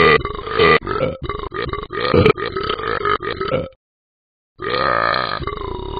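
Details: Repeated burping: a run of loud, drawn-out, croaking belches, a brief pause, then another long belch.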